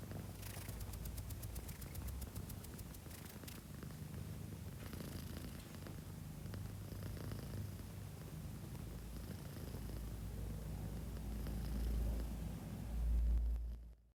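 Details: A sleeping cat gives a steady, low, rumbling snore with a soft, uneven rhythm and no other sounds; cat snoring.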